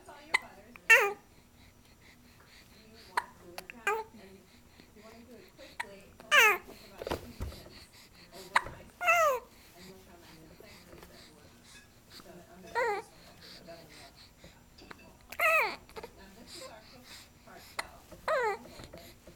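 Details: 2-month-old baby on a swing: soft cooing broken by several brief, sharp, jerky catches; hiccups.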